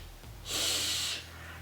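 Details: Acted demonstration of a lateral lisp, with the S air escaping from the corners of the mouth along the cheeks rather than down the tongue; lateral lisp.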